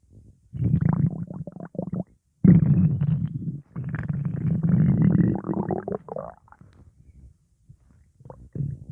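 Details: Stomach growling at the hospital: low, gurgling rumbles in irregular bursts with brief quiet gaps, a rolling, bubbly growl (borborygmi).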